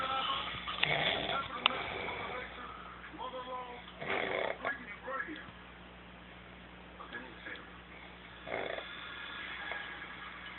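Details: Loud, irregular rough rattling breathing noises during sleep with faint background sound; snoring in a man.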